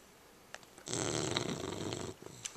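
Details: English bulldog puppy snoring loudly during sleep: a single noisy, rattling snore about a second long with quiet breathing around it.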